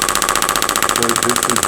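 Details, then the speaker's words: Rapid, steady mechanical tapping pulses, about fifteen per second, from an acoustic wave therapy handpiece applied to fibrous fascia to break up fibrous tissue. "So this is breaking up. The fibrous tissue."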